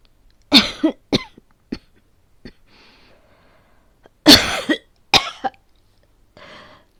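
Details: Simulated coughing fit, acted voice role-play rather than a real cough: two bursts of several harsh coughs each, with a brief breath between bursts.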